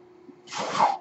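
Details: Speaker's own home mechanical ventilator, audible while he talks: a low steady hum, then a half-second rushing, hissing puff of air; one ventilator breath cycle.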